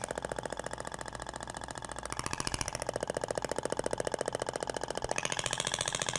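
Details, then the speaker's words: Fast, regular mechanical knocking at about 15 pulses per second from a Thork Ibramed radial shockwave (ESWT) applicator with a polyacetal tip, moved slowly over gelled abdomen; sound differs from stainless-steel tip. "Até o barulho é diferente da ponteira de polcetal pra inox."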